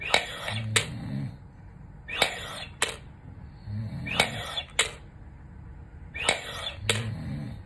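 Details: Repeated sharp clicks and rattles with effortful breaths through an incentive spirometer, 5 weeks after open-heart quadruple bypass surgery; struggling to raise the third ball.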